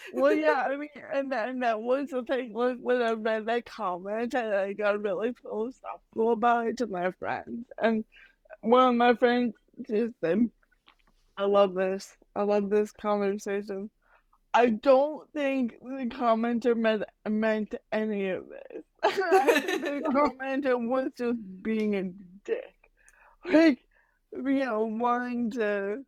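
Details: Adult woman with mild cerebral palsy, which she says mainly affects her speech and motor skills, speaking in a real podcast interview; mild dysarthria (cerebral palsy).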